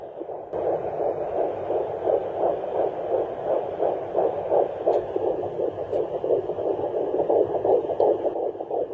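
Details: Home fetal Doppler with ultrasound gel, early pregnancy: rapid, regular whooshing fetal heartbeat, about 170 per minute, described as pretty fast; fetal heartbeat.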